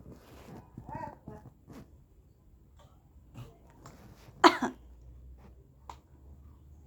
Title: is coughing back 😄| 9 months 18 days| 2 dec,25-5.45 pm| #saptarshi #funny #cutebaby